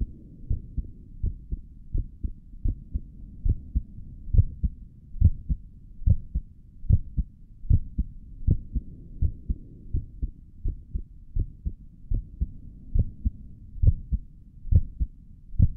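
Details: Own heartbeat through a stethoscope on the chest, ASMR recording: steady, regular low thumps at about 69 beats a minute; normal heartbeat, stomach gurgles noted elsewhere in the recording.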